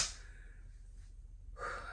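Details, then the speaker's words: Two audible breaths, a sharp inhale then a loud exhale, in quiet surroundings; heavy breathing and shortness of breath in a sick person, just after showering and cleaning her room. "I'm like so out of breath"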